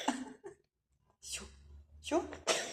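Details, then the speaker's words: A cat coughing in short, harsh, hacking bursts with quiet gaps, which the owner says happens when it drinks too much water and it gets into the nose; cough. "Ой, ой, ой. Кто кашляет? Это у нас всегда происходит, когда Жуля слишком много воды пьет, и она в нос попадает."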